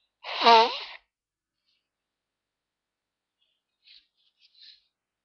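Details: Sneezes attempted on holiday in the snow, described as not a great success: one short voiced sneeze, then silence and faint soft noises; sneezing.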